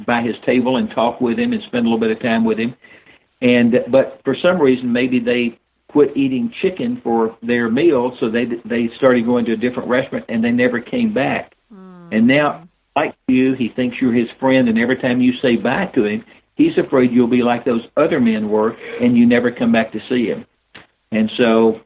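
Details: Older adult man; unaffected speech.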